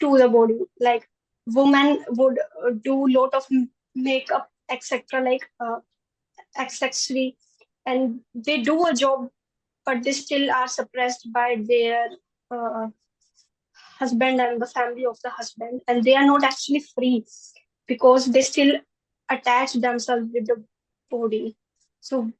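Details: Stammering in a 20-year-old woman who stammers more in public than with family.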